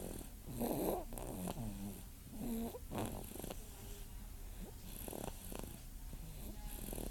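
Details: Sleeping baby boy snoring: soft, irregular snoring breaths with low rattly inhalations over quiet room noise.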